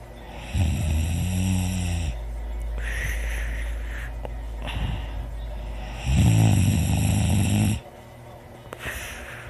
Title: me snoring loud with heavy breathing